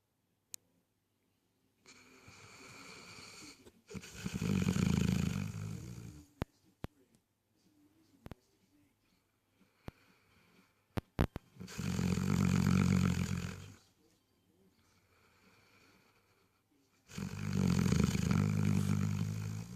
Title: Weimaraner dreaming and snoring